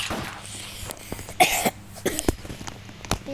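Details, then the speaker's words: Several short, sharp coughs between quieter room sounds from a gamer who says they are sick with a cough while playing; an acute cough. "Maaf guys, gua batuk lagi sakit."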